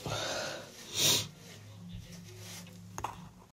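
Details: Sneezing with a cold: a single sharp, explosive sneeze after a noisy intake of breath, followed by quiet breathing and room noise.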